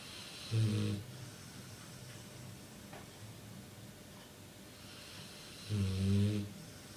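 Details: Awake female dog snoring: two low, rattling snore-like noises about five seconds apart with quiet breathing between; she usually snores only when asleep. Finding: snoring.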